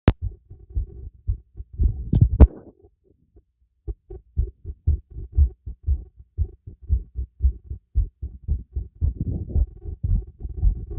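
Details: Heartbeat heard through a stethoscope during light workout with breath play: steady low thumping, brisk at about 115 beats a minute, with a brief noisy patch; normal heartbeat, quickened by exercise.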